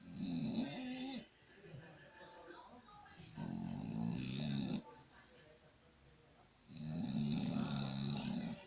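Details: Loud, buzzing snores on each breath with quieter pauses between, roughly 18 breaths a minute; snoring.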